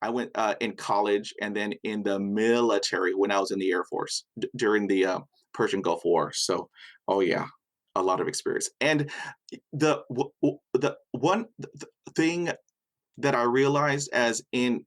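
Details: Adult male with severe stuttering that began at age five after a dog attack with a head injury, followed by a long period without speech; his mother also stuttered until age 14. Stuttering.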